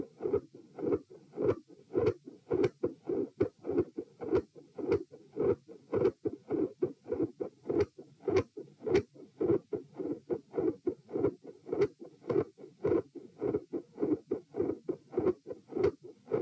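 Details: Heart sounds recorded at position P with the patient sitting, about 105 a minute: quiet S1 with loud fixed split S2; near the end S1 and S2 grow louder, a murmur appears and the S2 split widens.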